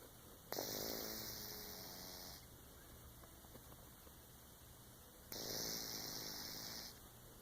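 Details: Sleeping cat snoring: soft, buzzing snores, two breaths about five seconds apart, over a faint steady room hum.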